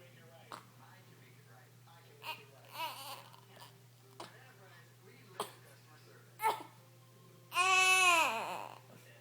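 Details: Baby with hiccups, unhappy about them: short catches and fussy sounds build to a loud wailing cry at the end; infant with hiccups, then crying.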